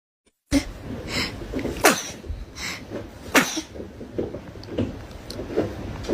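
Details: A run of sharp, explosive sneezes with brief breaths between them in a small room; repeated sneezing.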